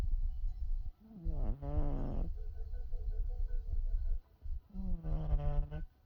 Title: my kitty snoring, lol